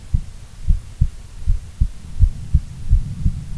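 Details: Female heartbeat, long recording: steady low thumping normal heart sounds at about 80 beats per minute over a faint hum.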